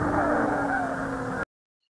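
A breath sound carries a steady musical, whistling tone over a background buzz, then silence. It is a wheeze, heard in a teaching recording.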